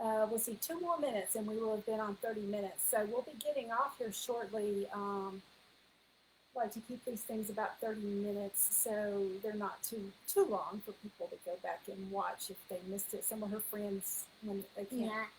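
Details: Adult woman; Normal speech.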